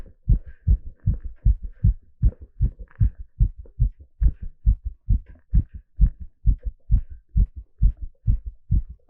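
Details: Normal heart sounds during an ECG exercise stress test: loud, rapid paired lub-dub beats at about 140 per minute, a normal heartbeat sped up by exercise.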